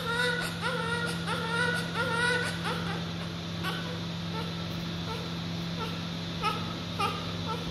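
Repeated high-pitched newborn crying with rising and falling wails over a steady background hum; a vigorous cry soon after birth.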